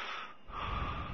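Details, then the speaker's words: Simulated gasping arousal after an obstructive sleep apnea: a model sleeper gives a brief, sudden snorting gasp for air with body movement as breathing resumes. "that is why an apnea always triggers a strong arousal with severe effects on the body our model gasps for air causing a sudden movement"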